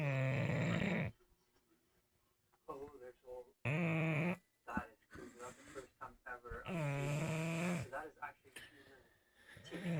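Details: Sleeping bulldog: loud, droning, tonal snores about every three seconds, with television talk in the background; woke the owner at 4 am. Snoring.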